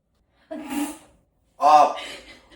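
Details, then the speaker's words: A simulated sneeze, faked as a prank on a boyfriend: two quick sneeze-like bursts, a sharp intake and then a forceful voiced 'achoo', followed by his protests. "Did you just sneeze on me, bro? Did you just sneeze on me?"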